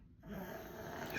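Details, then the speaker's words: 3-year-old boy asleep beside his parent while waiting overnight in a hospital emergency department: soft, low rumbling breaths against quiet room noise; snoring. "c'est que moi j'ai mon fils qui a 3 ans qui est juste à côté de moi, que vous peut-être vous entendez ronfler, qui dort."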